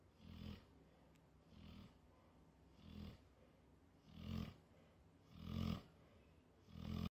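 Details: Sleeping pit bull dog snoring unusually loudly: deep, rumbling snores about every 1.3 seconds, roughly 45 a minute, building in loudness.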